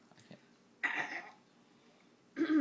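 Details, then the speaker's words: Burps from a girl: two short, throaty bursts separated by quiet, the second low and gurgling; adult remarks on a big burp. "me that's a big burp oh there's a big burp excuse you oh excuse you oh that's a big burp abigail excuse you that's a big burp yeah i know it was huge"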